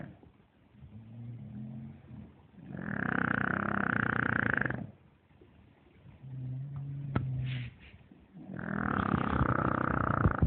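Loud, rough, rumbling snores lasting a few seconds each, alternating with softer breaths; about three breaths in ten seconds. Ordinary snoring in a sleeping puppy.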